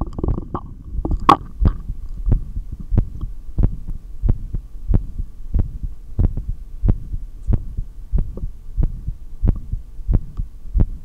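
Steady low heartbeat thumps through a stethoscope during a breath-hold, about 90 beats a minute, over a low hum.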